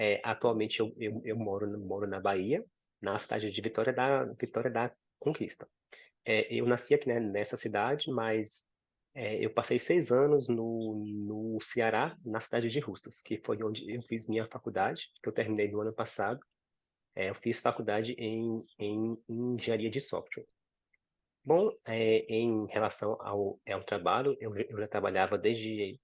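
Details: 26-year-old man who has stuttered since about age 4–5, accepted his stuttering at 15 and now speaks with it; stuttering.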